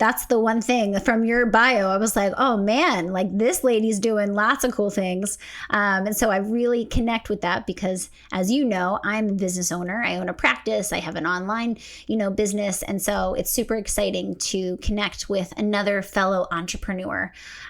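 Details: Adult woman; typical speech.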